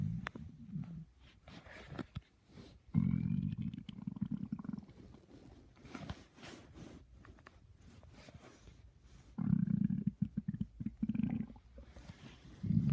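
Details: Adult stomach growling (borborygmi): low, drawn-out rumbling and gurgling bursts, recorded at 6:45.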